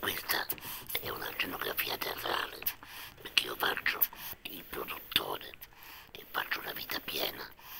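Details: 69-year-old man who had a total laryngectomy, with larynx and vocal cords removed, about two and a half years earlier, speaking with a voice prosthesis; tracheoesophageal speech after total laryngectomy.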